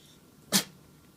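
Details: Male Norwegian Forest Cat who loves tap water and often gets water up his nose; a single sharp, hissing sneeze in a quiet room, sneezing that won't stop.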